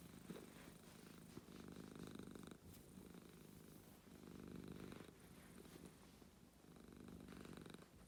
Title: Little crackles